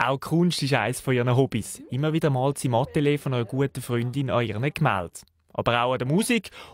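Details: Adult male narrator, German; normal speech.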